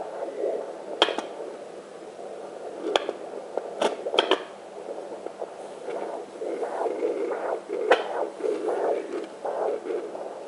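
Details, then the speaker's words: Home fetal Doppler placed low on the mother's left side near the hip bone over an artery: rhythmic fast whooshing pulses registering about 118 a minute, the maternal arterial pulse often mistaken for the baby's heartbeat. "what that is is you're hearing the blood flow in and out of the artery so it's fast and a lot of people mistake that as a baby but it's not the baby"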